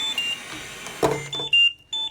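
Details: Repeated high electronic beeps over a faint room hum: disconnection alarm of a Trilogy 100 non-invasive ventilator, sounding when the test lung standing in for the patient is disconnected after an inline nebulizer treatment; simulated demonstration.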